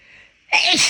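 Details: Sneezes deliberately brought on by a person whose left nostril kept tickling after an illness a few weeks earlier; quiet indrawn breath, then one loud explosive sneeze, part of a long series of big sneezes with nose blowing; sneezing.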